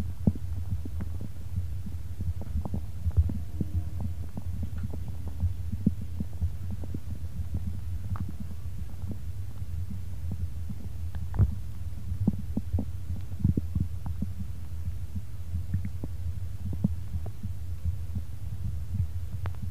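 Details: Person's own heartbeat and stomach sounds: low, muffled heartbeat thuds beneath a steady deep hum, with scattered soft clicks and knocks.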